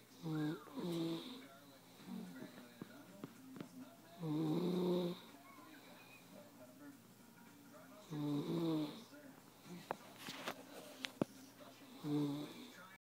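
Regular rattling snores about every four seconds, roughly 15 breaths a minute, with quiet pauses and faint room clicks between them. Snoring.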